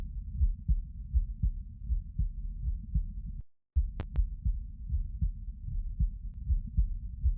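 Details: Normal heart sounds recorded lying down: muffled, regular thump-thump heartbeats at roughly 75 to 80 a minute, with a brief dropout and a couple of clicks midway.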